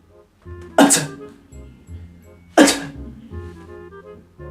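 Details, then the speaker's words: Two sharp, explosive sneezes with soft background music, presented as a weird, rude-style sneeze in a compilation of exaggerated sneezes. "ये भी बहुत बड़ी बदतहजीबी है कि लोग किस अंदाज में अपने चेहरे को बिगाड़ बिगाड़ कर छींकते हैं।"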